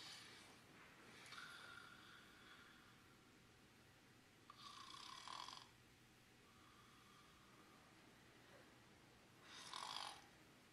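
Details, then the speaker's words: Snoring example: three rough, rattling snores about five seconds apart, around 12 a minute, with quiet breathing between them; ordinary snoring. "research indicated that snoring can uh reduce the blood flow through the cored arteries which is precursor of potential stroke so I don't think you should take snoring lightly"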